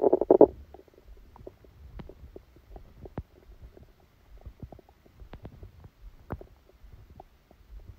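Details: Brief louder rumble then soft, irregular gurgles and clicks from the abdomen: bowel sounds during a stomachache after Christmas dinner, recorded while the person was sleeping.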